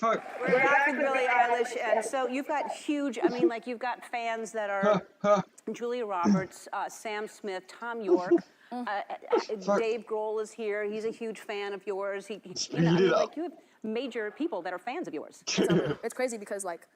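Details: Adult speaker; ordinary speech.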